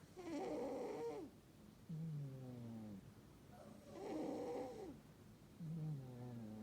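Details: Sleeping Burmese cat snoring: raspy breath in and softer whistling breath out, about 18 breaths a minute; a Russian Blue cat is nearby.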